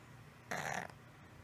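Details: 6-year-old female cat with a snoring-type noise for one month, mostly at rest or asleep, at the top of inhalation, from the throat area, often mouth breathing, no improvement after 3 weeks of antibiotics. Single coarse rattling snort: stertor.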